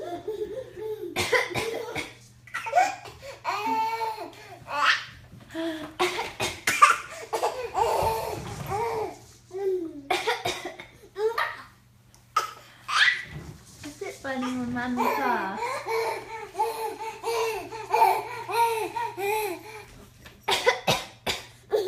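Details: Adult mother gives repeated short, deliberate coughs while her 8-month-old baby girl responds with bursts of hearty laughter; voluntary cough.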